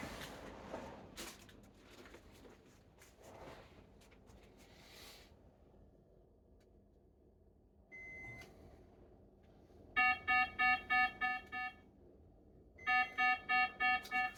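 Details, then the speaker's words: Pulse oximeter heart rate alarm, first-level threshold set at 50 beats per minute, during a dystonia episode with syncope in a patient with 22q11.2DS: repeated electronic alarm beeps; low heart rate alarm. "That alarm that you're hearing is the heart rate alarms."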